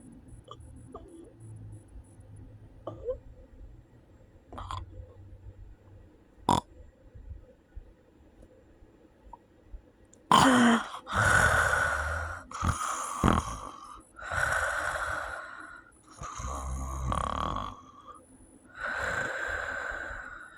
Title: sleep apnea snoring 3